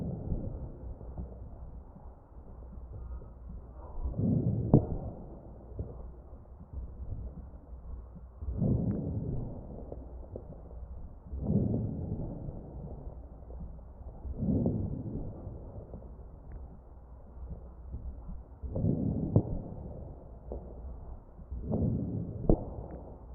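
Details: Muffled ventilator breaths with brief popping clicks during breaths, heard over the chest of a ventilated patient: crackles.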